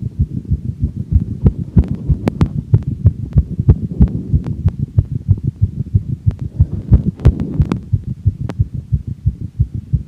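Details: Fast regular heartbeat of an adult woman after exercise, recorded by herself, rate falling from 203 to 160 bpm per heart-rate monitor watch; sinus tachycardia after exercise.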